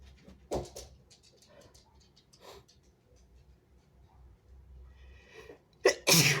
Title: wet sneezes turning messy and snotty (he/they)